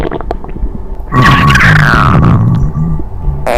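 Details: Faint gurgles, then a loud, low rumbling growl with a whiny rising tone from a cat's stomach; stomach growling (borborygmi).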